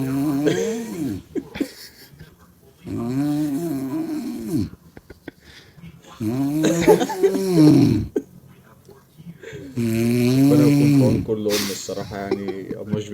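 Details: A mother's heavy, loud, droning snores with a buzzing, almost voiced tone, about 18 a minute, separated by quiet pauses; her baby appears shocked by the sound; heavy snoring.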